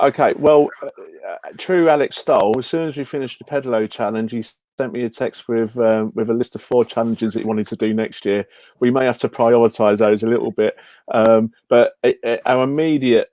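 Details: Adult male speaker; Normal conversational speech.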